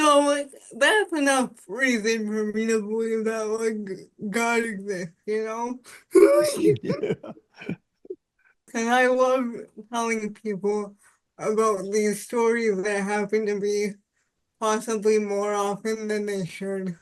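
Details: Dysarthria in an adult woman with spastic quadriplegic cerebral palsy since birth; she says voice assistants fail to recognize her speech and she takes part in speech-technology accessibility studies.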